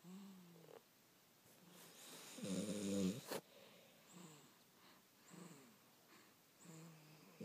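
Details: Young child and his father snoring while asleep; soft rhythmic snoring with one louder, rattling snore midway, in a quiet room; snoring.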